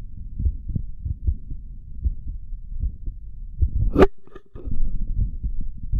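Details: Heartbeat recorded after caffeine: low, regular heart thumps at roughly 75–80 beats a minute, with a brief handling noise midway.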